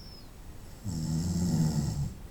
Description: 25 minutos de ronquidos durante la noche. 25 minutes of snoring at night.